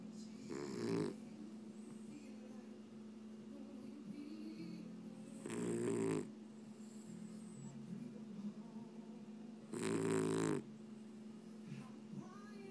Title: Scottie snoring!